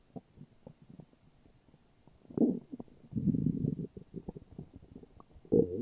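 Low gurgling rumbles and bubbling come and go, with louder stretches. These are ordinary stomach growls from gas and fluid moving through the gut.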